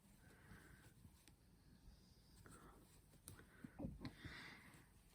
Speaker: that noise was my dog snoring